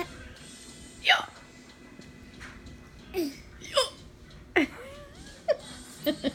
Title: Funny hiccups